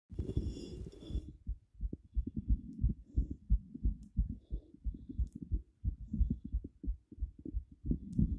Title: heart beat visible 190 bpm